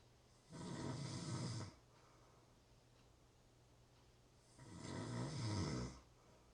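Two long, deep, rumbling snores on breathing in, separated by a quiet gap of about three seconds.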